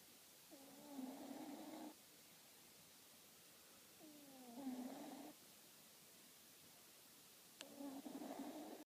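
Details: Cat snoring in sleep: three rough, drawn-out breath sounds a few seconds apart with quiet pauses between.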